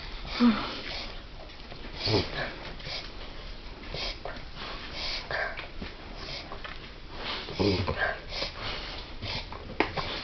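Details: Dog reverse sneezing: repeated harsh, snorting pulls of air through the nose in a quiet room; the owner asks what is wrong with him.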